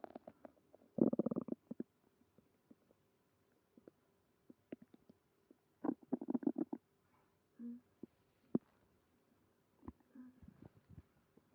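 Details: Stomach growling after eating creamy pasta, with stomach pain: gurgling, bubbling rumbles and low groans from the belly in several bursts.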